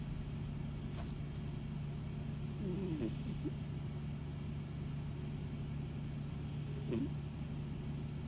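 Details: Sleeping cat snoring and purring: a steady low rumbling purr throughout, with two soft, hissy, whistling snoring breaths.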